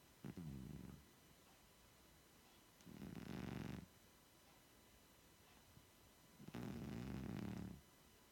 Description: This is our 16yr old cat lying on the sofa snoring, it's a cats life